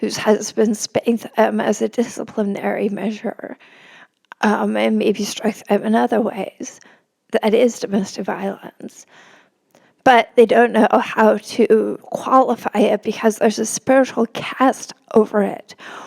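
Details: Spasmodic dysphonia in an adult woman; real condition, disclosed beforehand, noting it may make her sound nervous though she is not.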